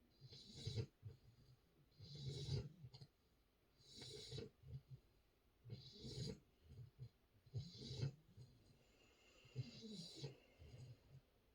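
Soft rhythmic snoring, about 16 to 17 breaths a minute, with low rumbling breath sounds and some snuffling in a sleeping puppy.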